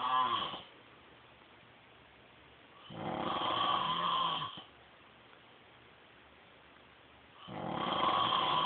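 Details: An adult man (husband) snoring in sleep: loud, rasping breath noises about every four seconds with quiet gaps, roughly 15 breaths a minute.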